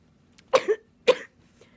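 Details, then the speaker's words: Two short, fairly dry coughs in a quiet room, the first a brief double burst, from a hospital inpatient on admission day who says they keep coughing loudly whenever they lean back; cough. "even though I have my achievement I'm still coughing loud every time I lead back"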